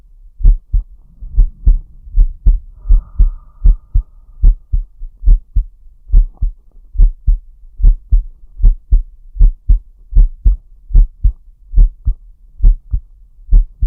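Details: Heart and breathing sounds recorded for ASMR: clear lub-dub heartbeats about 75 a minute with slight respiratory rate variation (respiratory arrhythmia noted) and faint breathing behind; normal heart sounds.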